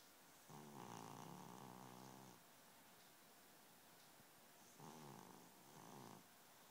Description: My fat kitty cat snoring